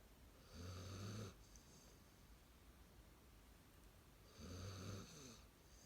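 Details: Snoring after playing: two deep, rumbling snores about four seconds apart on the in-breath, quiet breathing between; ordinary snoring.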